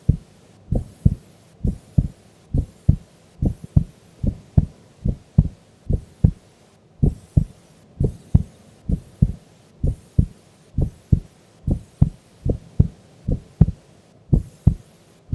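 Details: Sleeping female during an afternoon nap: steady, regular lub-dub heartbeat at about 66 beats a minute; normal resting heart sounds.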